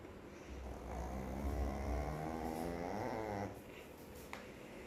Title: My Pet is snoring like a human 😴